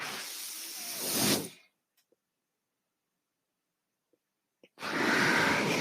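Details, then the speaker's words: Speaker's own mechanical ventilator heard while talking on a podcast: two loud rushing hisses of delivered breaths, about three seconds of near silence between them. "Hello, everyone. That noise you're hearing is my ventilator."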